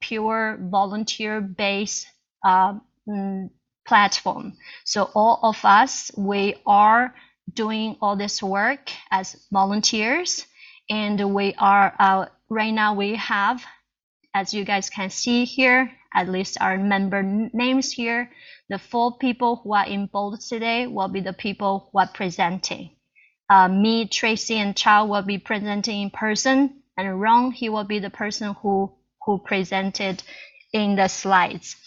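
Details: Adult Chinese woman who stutters, a self-help group co-founder, presenting in English at a stuttering conference; audible repetitions; stuttering.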